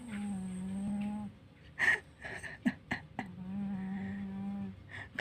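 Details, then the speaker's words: Tired cat sleeping: long, low, humming snores with brief snorts and rustling between them; cat snoring. "Papa Cimot ngorok, Guys. Tidurnya"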